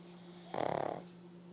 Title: Pug snoring.